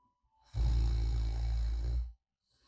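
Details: Light snoring during sleep, recorded as ASMR white noise of a sleeping person: a single deep, rumbling snore of about a second and a half, then quiet.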